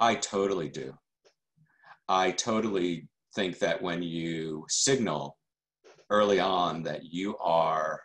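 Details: Adult man who stutters, a member of the stuttering community for decades: stuttering.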